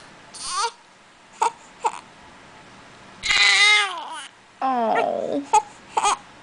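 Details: Infant with hiccups fussing and crying: short rising and falling wails with brief sharp catches between cries.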